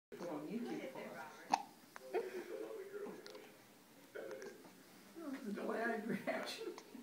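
Talking broken by sudden sharp catches in the voice, fitting hiccups interrupting speech.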